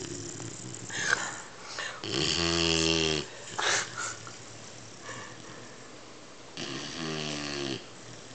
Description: 12 week old Weimaraner puppy snoring. Very funny!